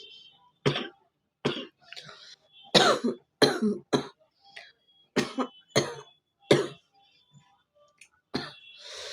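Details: Cough in a person with a cold and chest congestion; about nine short, harsh coughs in loose groups with throat clearing between, quiet room.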